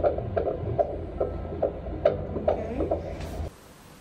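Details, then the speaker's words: First ultrasound in a pregnancy after years of infertility and a miscarriage, at roughly four months. Rapid, regular whooshing fetal heartbeat, strong at about 140 a minute, with whooshes as the baby moves. "when we got to hear the baby's heartbeat for the first time strong 140. every time we hear a whoosh it's moving around"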